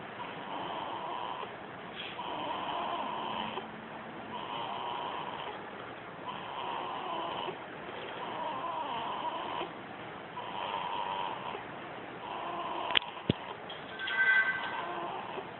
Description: My newborn baby girl made this snoring sound.